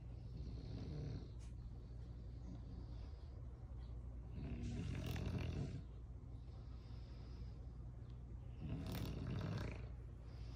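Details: Two pet dogs, at least one a puppy, snoring, in a short humorous clip.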